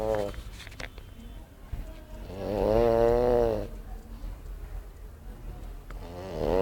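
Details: Flat-faced pug snoring: loud, buzzing, tonal snores with a whistling, wheezy edge and one long snore in the middle, over steady room noise.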